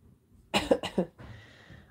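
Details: Two quick, fairly dry coughs from an adult in a quiet room, a lingering cough after a slow-to-resolve cold.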